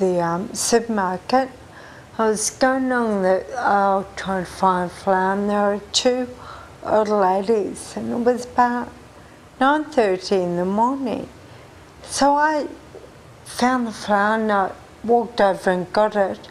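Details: 43-year-old woman with Friedreich ataxia, a genetic disease, diagnosed at age 20; she says people think she sounds drunk. Ataxic dysarthria.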